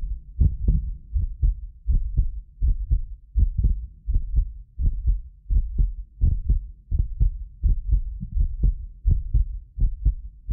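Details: Heartbeat of a self-described medically fit person, recorded with more than six precision contact microphones; regular low lub-dub about 83 a minute, occasional doubled clicks from the roughly 6 ms microphone delay, not the heart; normal heart sounds.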